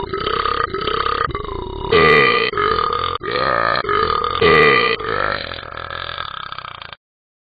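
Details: Animated dog Talking Ben burping after drinking about 3 bottles of apple cider: a long, loud, drawn-out series of belches in a room; a prolonged burp.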